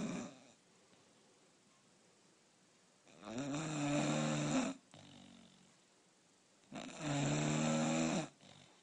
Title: Maddie the bulldog Snoring 2015